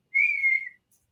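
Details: Adult man with Tourette syndrome that began about four years earlier after seizures and brain swelling, with motor and vocal tics and a stammer that followed a loss of speech; whistling vocal tic.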